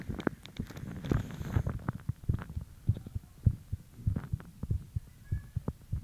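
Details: Quick, steady low thumps about 100 beats a minute; heartbeat raised after light exercise, normal response to exertion.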